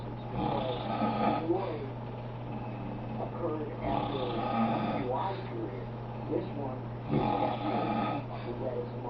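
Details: Loud snoring from someone napping in the afternoon: rough, fluttering snores repeating every few seconds over a steady low electrical hum.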